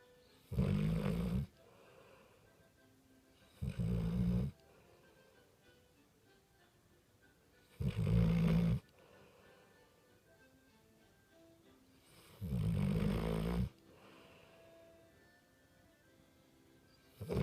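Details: Snoring from an American Staffordshire terrier sleeping with eyes open: four long bursts of loud, rough snores with quiet pauses between.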